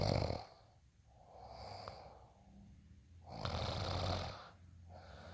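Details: Slow rattling snores on breaths in, with softer airy breaths out, in a steady sleep rhythm; adult snoring.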